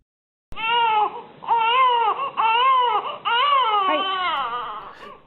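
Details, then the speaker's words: Eight-week-old infant crying in repeated loud, high wails with short gasping pauses, before the mother carries it while walking; in a study of carrying for five minutes, this baby stopped crying and fell asleep after about two minutes. "this eight-week-old baby was initially crying however once the mother began walking the baby stopped crying and fell asleep after about two minutes"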